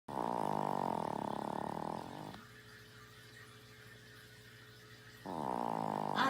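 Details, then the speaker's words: Loud, rough, fluttering snores from a sleeping pet named An, two long noisy breaths with a quiet pause, likened to a pig's sound: snoring. "あんちゃんうるさいよ。豚さんみたいな音。"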